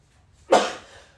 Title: [ATEEZ] sneeze